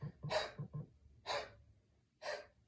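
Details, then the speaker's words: An adult partner performs three short, forceful open-mouth breathy huffs as the third stage of the active cycle of breathing technique for airway clearance; huff (forced expiration technique). "Good, and the third stage is going to be like a huff, like"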